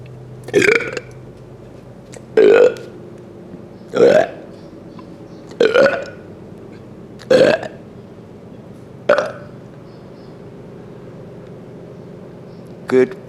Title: lc burping